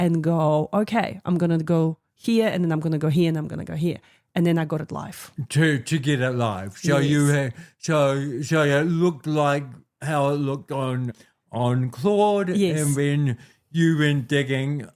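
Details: Adult man with cerebral palsy since birth, a physical disability affecting how messages travel around his body and chiefly his walking and talking; speaks with dysarthria (cerebral palsy).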